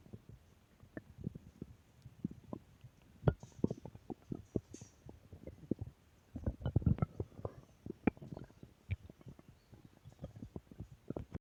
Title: Stomach Growl Audio 4